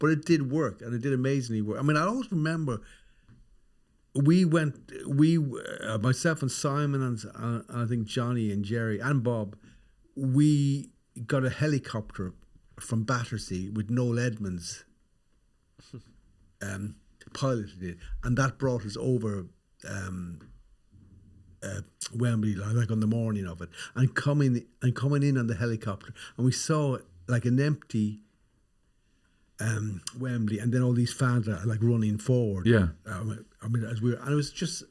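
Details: Adult man with a stammer, especially anticipated during phone calls. Stammer.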